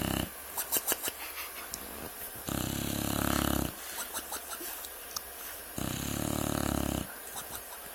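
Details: Loud snoring during sleep: two long, low rattling snores on the in-breath with quieter breathing between.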